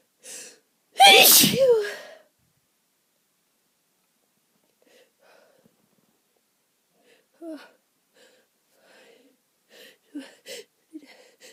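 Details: Allergy sneeze after a day of itchy nose: one loud, forceful adult sneeze with a sharp intake before it, then faint sniffs and small breathy sounds.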